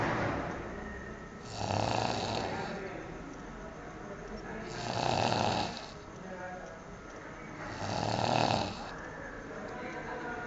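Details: Three loud, rasping snores about three seconds apart, near 18 breaths a minute, from a sleeping man, audible from the next room over low room noise; snoring.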